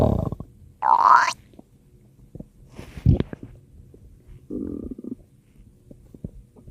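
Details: Ordinary stomach growling (borborygmi): several loud growls, one high-pitched whine-like gurgle, and lower rumbling groans with small pops.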